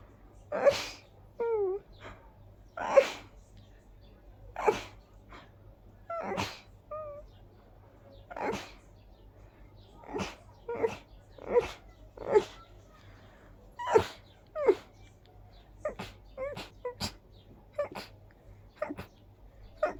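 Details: A rapid run of about a dozen sharp sneezes with short gasps between them, an allergic sneezing fit on a high-pollen day combined with dust allergy.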